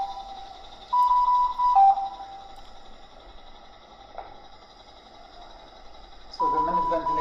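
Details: Repeated steady electronic alarm tones over a constant machine hum: a high-frequency oscillatory ventilator alarming for high minute ventilation, demonstrated on a test lung rather than a baby.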